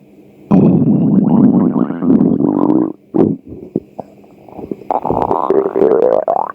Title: Açlık sesleri 2 - stomach growl-